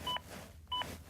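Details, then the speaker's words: ZOLL AED Plus training defibrillator giving CPR feedback: two short electronic beeps about half a second apart during chest compressions, prompting more force when compression depth is below 5 cm. "quand la profondeur de vos compression atteint plus de 5 centimes hatrize le déut avoue le fait également savoir appuyer plus fort"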